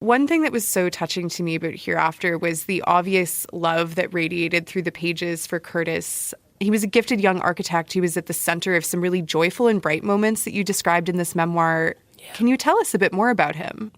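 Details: Adult speaker; Normal voice.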